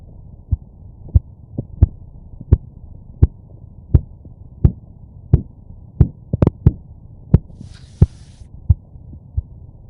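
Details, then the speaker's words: Korotkoff sounds recorded through a stethoscope during a manual blood pressure measurement with a sphygmomanometer cuff: regular sharp thuds at about 88 a minute over a low hum. "So I recorded the blood pressure sounds with the stethoscope. So I'm going to play those shortly, and you'll hear the thud, do, do, do, do, and you'll be able to hear the blood pressure."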